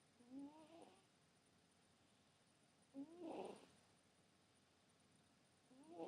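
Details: A sleeping cat snoring softly, with rough, slightly whistling bursts about every three seconds, roughly 20 breaths a minute.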